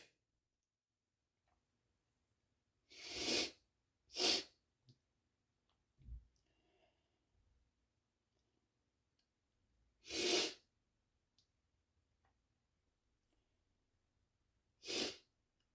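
Four sharp, explosive bursts of air spread over about fifteen seconds, with quiet breathing between them: repeated sneezing.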